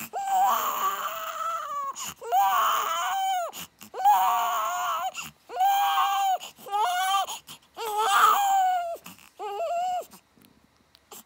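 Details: Five-day-old newborn girl crying loudly and rhythmically in repeated one-to-two-second bursts with brief breaths between; ordinary newborn cry.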